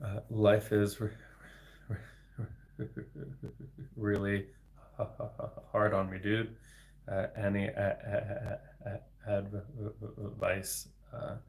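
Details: Adult man, a speech-language pathologist, with developmental stuttering, speaking live; word repetition audible; stuttering.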